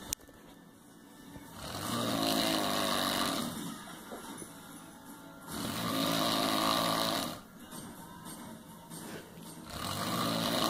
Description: I almost died from obstructive sleep apnea. Excessive snoring and oxygen depravation were the order of the day.